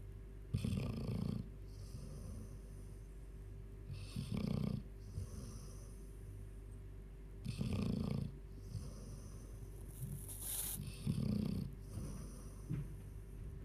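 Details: A 14-year-old Labrador snoring in sleep: slow, rhythmic snorting breaths, about 18 a minute, with a low rattle on each inhale.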